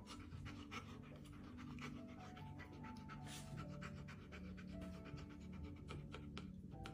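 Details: Dog at a chiropractor: rapid, regular open-mouth panting breaths, with music playing in the background.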